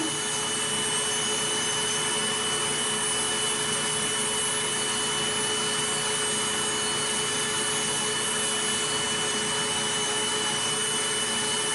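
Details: Steady high-pitched whirring of a podiatric nail drill grinding down a toenail during routine preventive foot care (nails not thick), with a constant motor whine throughout.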